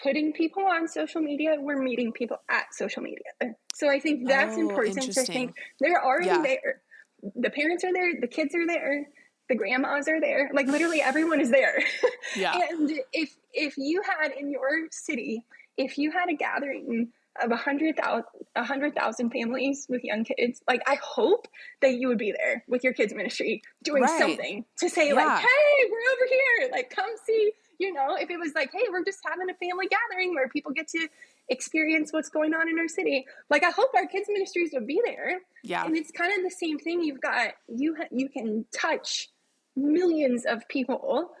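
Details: adult woman with spasmodic dysphonia, a vocal cord spasm she describes in her own speech during a podcast interview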